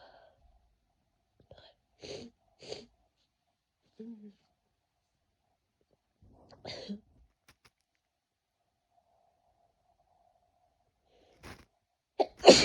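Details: Person with a cold, very congested and feeling it moving to the chest, sneezing about five sharp, explosive times in a quiet room, some in quick pairs, with soft breaths between; repeated sneezing.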